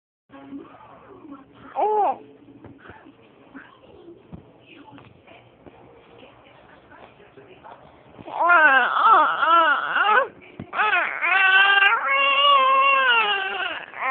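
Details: A 3-month-old baby's quiet fussing and soft sounds build into loud, rhythmic crying bursts; infant cry.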